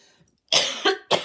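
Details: Adult woman who says she is slightly ill and under treatment gives a single loud cough burst followed by a brief throat-clearing sound.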